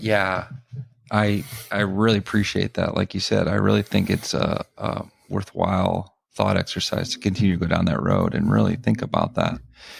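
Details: Adult male speaker; typical speech.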